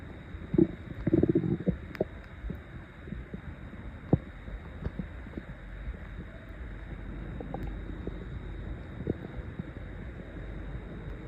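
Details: Person awake at 7 am with an empty stomach for over 20 hours before breakfast: low gurgling rumbles with short squeaky bursts over faint room hum; loud hunger stomach growling (borborygmi).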